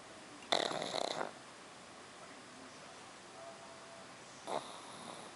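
Two harsh, rasping snorts during inhalation over quiet breathing; noisy snoring in a small flat-faced dog.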